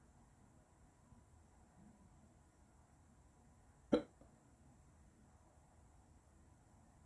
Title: I got the hiccups